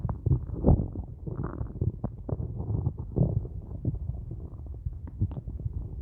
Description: So in all day I've only had a large cup if coffee and its the end of the day now and my belly isn't happy with me its screaming for food